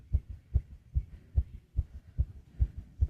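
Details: Rapid, regular fast heartbeat at about 146 beats a minute, with heavy breathing.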